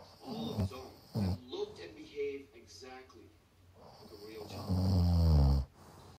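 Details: Snoring in an adult man during sleep.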